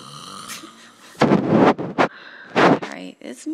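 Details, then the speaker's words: Adult man asleep at 4:20 am after drinking, snoring loud enough to hear across the house: loud, harsh, rattling breaths in two bursts with faint room sounds; heavy snoring. "okay it's totally 4:20 in the morning on April 28th and my brother is snoring up a storm"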